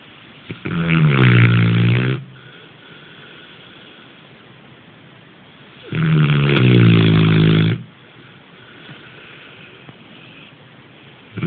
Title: snoring